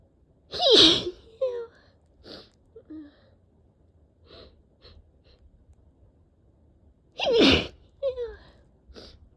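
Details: Two loud explosive sneezes, each with a gasping lead-in and short after-sounds, from a person strongly allergic to cats with a tickling nose, sore throat and eyes barely open; repeated allergic sneezing.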